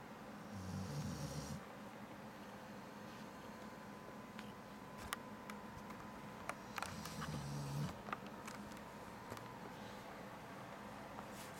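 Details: Two soft rumbling snores about six seconds apart during sleep, with scattered clicks and room noise between; the snoring is described as worse than grandparents'.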